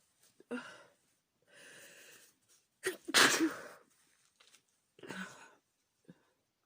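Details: Female repeatedly sneezing from chhinkni. A run of several sneezes, some with a breathy wind-up, separated by short quiet gaps.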